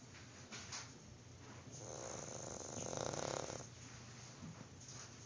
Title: Snoring Dog